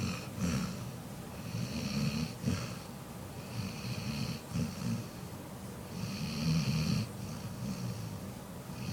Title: Pebbles snores